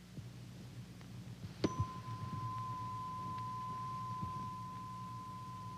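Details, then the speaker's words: Simulated Weber test in a 1950s dramatized TV medical episode: a tap, then a steady pure tone fading slowly as a tuning fork is placed on an adult male patient's forehead at an otologist's office; heard in the midline. "tuning fork is placed against the forehead to check the balance of hearing between the right and left ear. Weber test heard in the midline."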